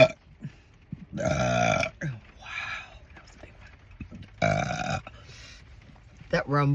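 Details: Two loud, drawn-out, rumbling deliberate belches about three seconds apart, with brief speech between; burping.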